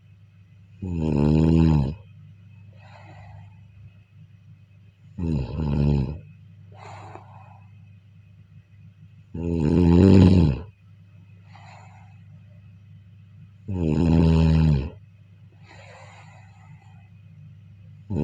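Loud, rattling snores on each breath in, with softer breathing between, about 14 breaths a minute, over faint room hum.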